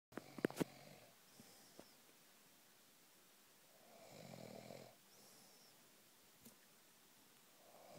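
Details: Soft snoring: faint, low rattling breath noise on a single slow breath, with a few clicks at the start.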